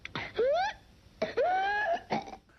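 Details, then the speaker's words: Whooping cough (pertussis): bouts of very hard coughing followed by a big inspiratory breath, producing the characteristic whoop heard in older children; coughing can be severe enough to cause vomiting or turn the face red or blue. "older kids will have the characteristic whoop where the disease gets its name or they cost so hard and then they take a big breath in which is the look of the whooping cough"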